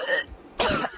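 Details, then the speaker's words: Adult imitating a partner's cough, described as choking first and then coughing: a short choked, throat-clearing sound, a pause, then a harsher cough burst. "here's my interpretation of the way you cough what so my coughing you Cates it's like you're choking first and then you cough and"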